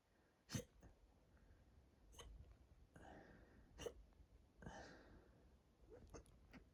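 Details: Hiccups induced by drinking lots of water, with a tight, bloated stomach: brief, sharp, jerky gulps at irregular intervals, about five in several seconds, with breathy sounds between.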